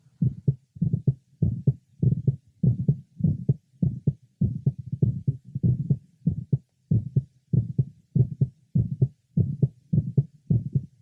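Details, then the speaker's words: Teenage boy with atrial septal defect and mitral valve prolapse, heard at the apex: regular heartbeat near 100 a minute with a series of clicks in mid and late systole and a widely split first heart sound with a louder tricuspid component. "the first heart sound is more widely split than usual the second component of which the tricuspid is louder than the first component the mitro"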